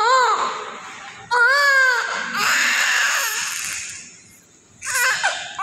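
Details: Loud, strong, high-pitched newborn crying with repeated wails over faint background music, from a just-born baby; the cry is described as aggressive, a vigorous newborn cry.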